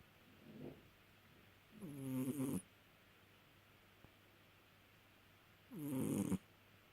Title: Cat snoring! 😁